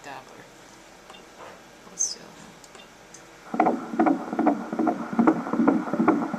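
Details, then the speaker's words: Doppler fetal heartbeat during a 21-week ultrasound of a female fetus who keeps moving: rapid rhythmic whooshing pulses after a quiet start, rate 153, within the stated normal range of 120 to 170; normal fetal heartbeat. "get a little heart rate for you little heart rates 153 which is fine they range anywhere between 120 to 170 so she is doing good"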